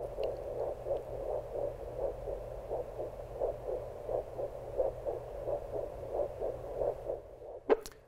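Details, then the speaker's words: Vascular Doppler over the right radial artery before tourniquet testing: regular pulsing whoosh at about 88 a minute over steady hum; normal arterial pulse. "so you can hear that little pulsating sound so every time my blood is being pumped through my my artery here you can hear the little whoosh as it goes underneath the little radar a little"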